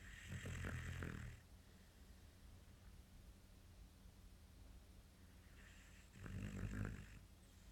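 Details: Sleeping, snoring "like daddy"; two deep, rumbling snores a few seconds apart on breaths in, with quiet breathing between; ordinary snoring.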